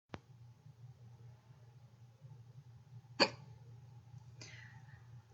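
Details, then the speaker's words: Person with hiccups that they say are not very bad: two or three brief, sharp catches of breath over low steady room hum; hiccups. "the hiccups so today I'm gonna show you the method that I know for curing hiccups apparently they're not very bad but here's what you do"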